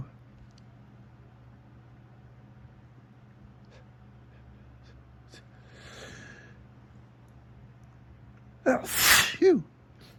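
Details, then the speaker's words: Photic sneeze in the morning with strong sunlight beaming through a window onto the face: quiet inhale then one sharp, forceful sneeze with brief voiced trailing sound; light-triggered reflex, not allergy. "So, I don't know if you guys ever heard of thic sneezing, which is usually caused looking directly at the sun, but for some reason this morning uh it's lasting a bit."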